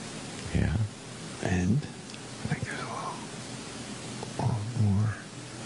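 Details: Snoring.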